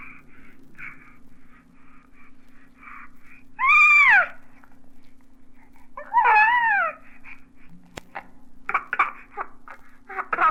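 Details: Normal infant vocalizations, cooing and babbling, from a 1967 recording of baby sounds.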